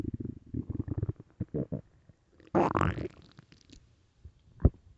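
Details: Early-morning stomach growling recorded for headphone listening: bubbling, gurgling runs and a longer rumbling squeal from the belly; ordinary borborygmi.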